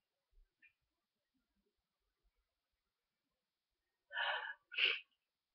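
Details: Quiet sniffs, then a double sneeze in quick succession in a quiet room, from a person in bed with a stuffy head cold after days of fever and sore throat; sneezing.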